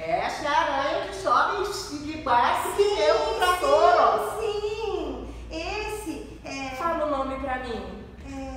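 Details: Acted Wernicke's aphasia in a Brazilian Portuguese comedy sketch: a male character answers a simple question with fluent jargon speech.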